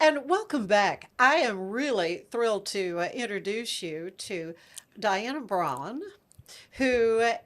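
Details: Adult woman speaking; Normal speech.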